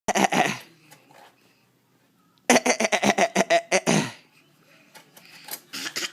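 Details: Voluntary (imitated) cough: a baby boy playfully mocks an adult's fake cough with a rapid string of short, forced cough-like bursts.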